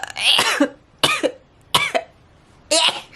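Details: Four quick sneezes in about three seconds from a Japanese YouTuber talking on camera, each a sharp burst with a short voiced tail; rapid repeated sneezing.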